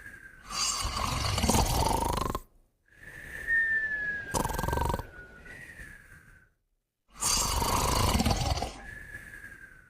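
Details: Two pets snoring and whistling together: loud rattling snores alternate with a high whistling tone on the breath, about three snoring breaths in ten seconds. Snoring.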